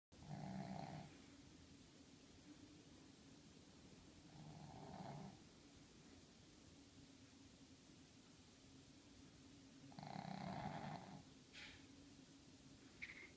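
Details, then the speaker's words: Female dog Millie snoring while asleep, likened to a freight train: loud rattling snores, three long snoring breaths about five seconds apart, roughly twelve a minute. "meow, you snore like a freight train. Yeah, you snore so loud. Yeah, you snore so loud."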